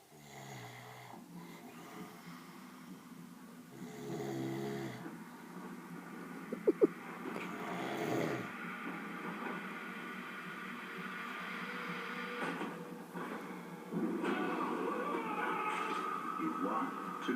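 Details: Long, harsh, rumbling snores from a sleeping lad pulling funny faces, replayed from a TV broadcast over a steady background hiss; snoring.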